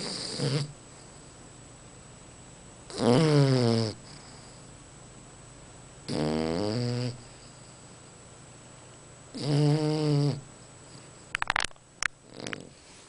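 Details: Sleeping bulldog with loud, tonal, groaning snores about every three seconds, each nearly a second long; snoring.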